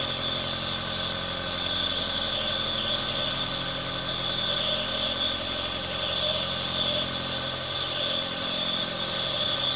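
Steady, unbroken motor hum with a bright airy hiss and no pauses: a nebulizer compressor running continuously.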